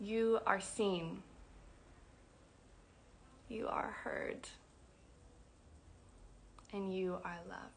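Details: Adult woman who describes herself as a person who stutters, speaking spontaneously; stuttering.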